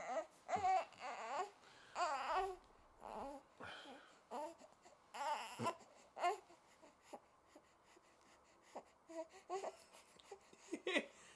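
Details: One-month-old baby boy: short, rising-and-falling cries and whimpers with pauses between bursts in a quiet room; fussing, possibly hungry again.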